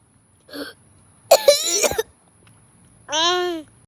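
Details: Coughing fit: a few harsh, wet cough bursts followed by a drawn-out voiced sound.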